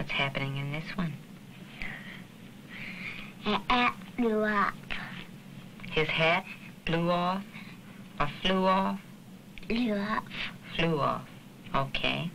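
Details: Child with hearing loss attending a summer speech clinic, learning lip reading and working on final sounds and the D and G sounds; speech of a child with hearing loss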